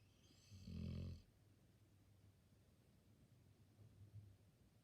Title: Dog snoring for 33 seconds straight